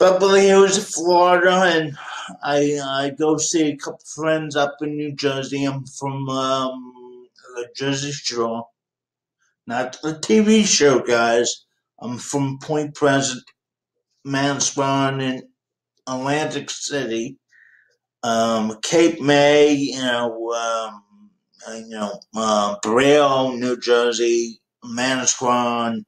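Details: 51-year-old man with cerebral palsy since birth; he says people sometimes think he might be drunk; dysarthria (cerebral palsy).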